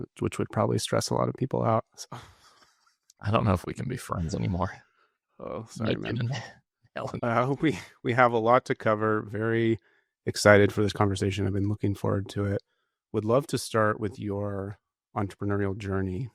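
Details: Adult male speaker; normal voice.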